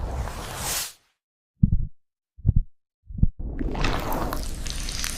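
Three soft, low thuds in silence between bursts of whooshing noise, like single heartbeats.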